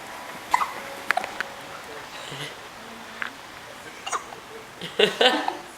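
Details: Two two-month-old infants, born a day apart, hiccupping back and forth; hiccups.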